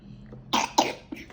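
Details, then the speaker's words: Young child, given mango as a natural cough remedy, gives two quick, fairly dry-sounding coughs, then a faint third: a cough. "Kasihan Lagi batuk dia"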